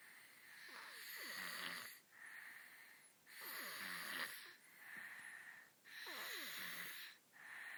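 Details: Snoring in sleeping 17-month-old identical twin boys, described as very mild for them: rhythmic snoring with a hissing, slightly whistling tone on each breath.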